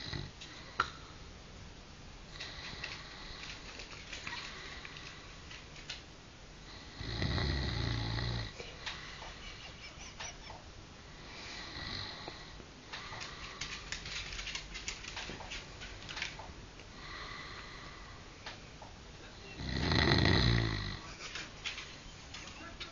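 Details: Adult husband who claims he doesn't snore, recorded asleep: rhythmic rough snoring on each breath, louder snorting snores every several seconds, about fifteen breaths a minute; snoring.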